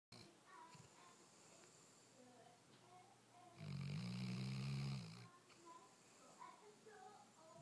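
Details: Weimaraner dog sleeping very soundly: one loud, low, rumbling snore lasting over a second, with faint background sounds before and after; snoring during sleep.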